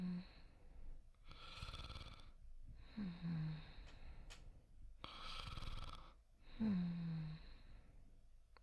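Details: Simulated, acted soft snoring in an immersive sleep voice-acting clip: two slow, soft breath cycles with gentle rattling on the breath in and a low voiced sigh out.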